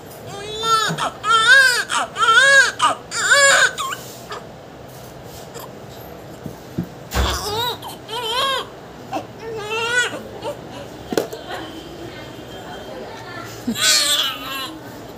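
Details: Loud, rhythmic crying in repeated bursts from a newborn boy just after normal delivery, with background voices; a strong, vigorous newborn cry.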